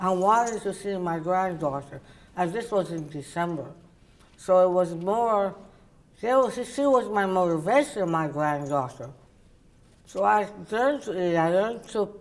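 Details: Woman, oral cavity cancer survivor treated with partial glossectomy and reconstruction followed by radiation; tongue does not reach the roof of her mouth and people have difficulty understanding her; articulation disorder after partial glossectomy.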